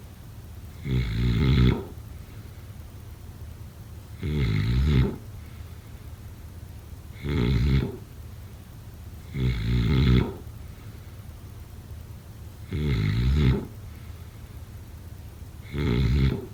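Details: Six regular, low, rumbling snores during sleep, about 22 breaths a minute, with quiet exhalations between them; snoring.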